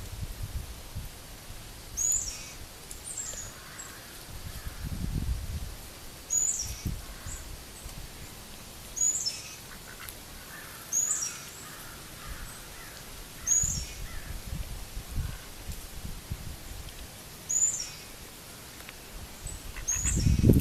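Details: Mallard duck nesting in possibly moldy leaves, coughing for two days but not while on the nest, with short sharp squeaky cough-like sounds about every two seconds; owner suspects aspergillosis or something stuck in her throat.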